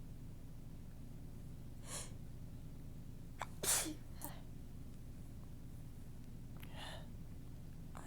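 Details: Soft, tickly sneezes while talking, nose completely stuffed up: a few soft, breathy sneezes with small gasps before them, over a steady background hum.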